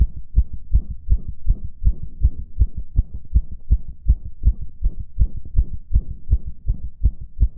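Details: Male heartbeat recorded shortly after a previous recording, described as fast: rapid, regular low thumps at about 160 beats a minute, fast but steady rhythm; sinus tachycardia.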